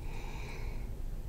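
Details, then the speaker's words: Simulated respiratory exam on a paramedic intern: stethoscope auscultation from the lung apices during deep breaths in and out, soft low rushing airflow of normal vesicular breath sounds; normal breath sounds. "Beginning at the apices, I'll listen for normal vesicular sounds. Please take a deep breath in and out."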